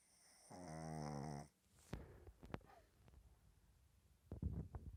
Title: Puppy snores